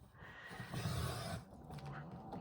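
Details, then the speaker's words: A sleeping male pet dog snoring: low, rumbling snore sounds, two noisy breaths in quick succession over faint room noise; ordinary snoring. "can you hear my little boo boo snoring in the"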